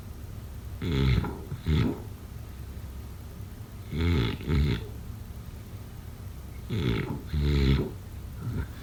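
Loud rattling snores in pairs of bursts, about three breath cycles over nine seconds, with quiet pauses between; typical sleep snoring.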